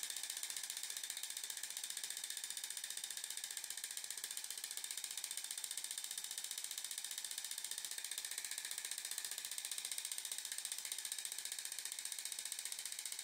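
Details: Zimmer enPuls radial shockwave, 15 mm convex head, 120 mJ, 15 Hz, 1500 shocks with ultrasound gel, single spot on lateral epicondyle for tennis elbow, demonstration patient: rapid steady sharp ticking pulses about fifteen a second.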